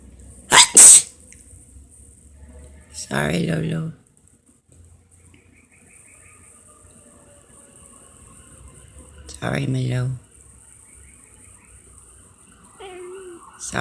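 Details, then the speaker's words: Two loud, explosive sneezes, each a sharp burst of air, from a person in a quiet room with a brief distant siren; the pet cat seems to reprimand the sneezing; ordinary sneezing. "Sorry, Lo. Sorry, Lolo. Hey, sorry for sneezing."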